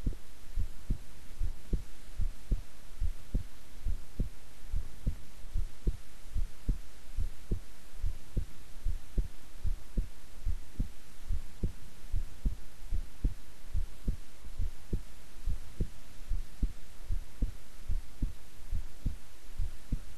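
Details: Heart sounds recorded at length while resting quietly; steady low thumps at about 72 a minute, regular rhythm with a faint hum behind: normal heart sounds.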